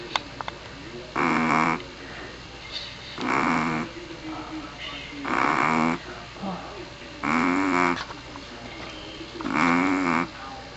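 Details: Snoring from a Pomeranian dog asleep: five loud, buzzing snores about two seconds apart, roughly 29 a minute, with quiet breathing between.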